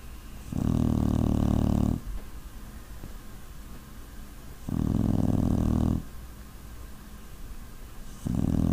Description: This is our puppy Brute snoring, you can't see the picture very well but the audio is good.